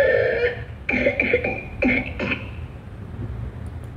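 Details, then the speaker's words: Whooping cough (pertussis) sound: rapid runs of coughs, each followed by a high-pitched, effortful drawn-in whoop, as if struggling to breathe in because of thick phlegm; typical paroxysmal pertussis cough. "Ibig sabihin, uubo siya. Pag ubo niya, dahil sa kapal ng plema, parang hihigop siya na nahihirapan siya. Ganito ang tunog ng taong may whooping cough."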